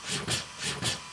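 Rhythmic whooshing pulses, about four in one second, from a mechanical chest compression device running on a training manikin.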